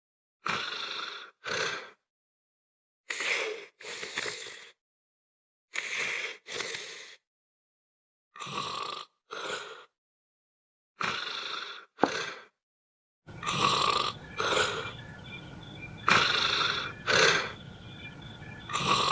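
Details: Snoring while asleep in bed: repeated rough, noisy breaths in pairs with silent gaps, about 5 to 6 cycles.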